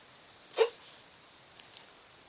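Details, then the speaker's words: One short, sharp hiccup-like sound in a quiet room from a small pet, which the owner thinks is hiccuping from being startled. "뭐 얘네들 딱붙이라는 거야? 놀래서 딸꾹질하는 것 같은데?"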